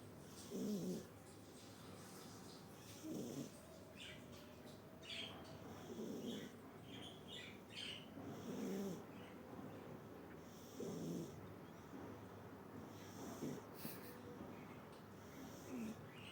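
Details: Light snoring in a sleeping animal: soft, rattling breath sounds about 25 times a minute with faint squeaky tones.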